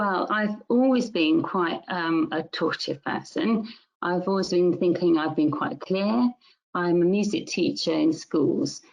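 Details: Music teacher diagnosed with mixed primary progressive aphasia; word-finding difficulty began about four years earlier; primary progressive aphasia (mixed type).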